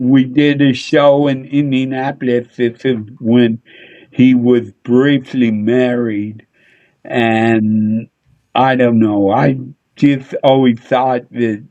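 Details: Adult male with a speech impediment he attributes to a neurological problem: MRI showed an underdeveloped back of the brain, and he hit his head on a dashboard in a car accident when younger; often mistaken for drunk; slurred speech (dysarthria).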